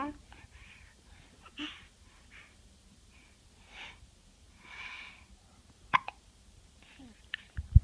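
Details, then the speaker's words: Infant girl, described as hating hiccups, makes several abrupt, sharp hiccup catches near the end amid soft voices and breathing; hiccups. "Oh what else do you have to say oh now you have the hiccups oh you don't like hiccups huh Oh stupid hiccups it is ruined our day we are having so much fun"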